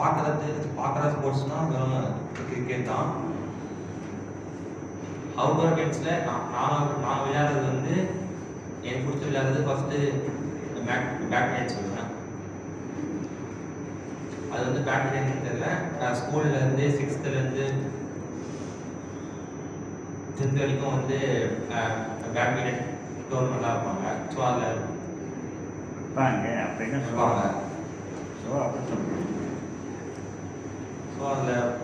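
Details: Tamil-speaking client in a stammering therapy session practising the pausing technique; word repetitions. Stammering.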